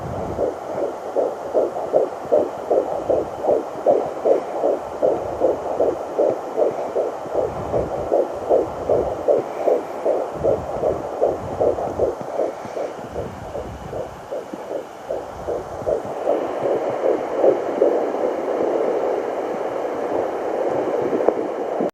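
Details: Fetal heartbeat on Doppler at 12 weeks 3 days of pregnancy: rapid, regular whooshing pulses at about 154 beats a minute, briefly lost and then found again.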